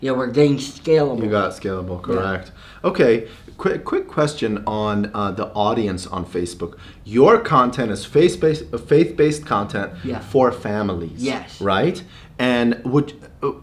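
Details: Adult man speaking; normal speech.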